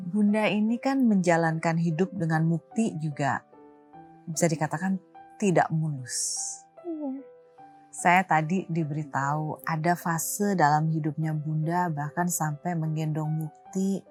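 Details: Adult female speaker; typical speech.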